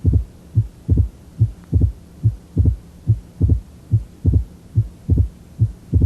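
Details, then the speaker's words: Simulator-generated heart sounds: an opening snap of mitral stenosis 75 milliseconds after the second heart sound, heard as a crisp extra sound with a regular rate about 71 per minute. "this is 75 milliseconds between the second sound and the simulated opening snap"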